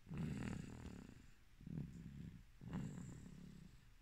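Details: Sleeping baby snoring: soft, low rattling snores with each breath, about three in four seconds, in a quiet room.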